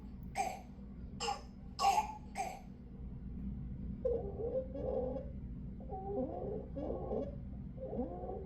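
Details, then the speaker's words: Child with croup: four harsh barking coughs, then repeated noisy high-pitched inspiratory breaths (audible stridor) with difficulty or rapid breathing; croup with barking cough and stridor. "Symptoms to watch for are 1 to two days of runny nose, coughing, sore throat, ear pain, decreased appetite, irritability and low-grade fever preceded by a cough that becomes barky, loss or scratchy voice, difficulty breathing or rapid breathing with audible striders which is heard here."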